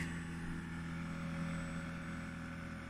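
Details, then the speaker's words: Zen-O portable oxygen concentrator running on continuous flow at 2 L/min through a mask, used for a person with cerebral palsy who cannot control his breathing; steady low motor hum with faint whine, normal operating noise. "I only needed it to go up to 2 continuously and that's how loud it is"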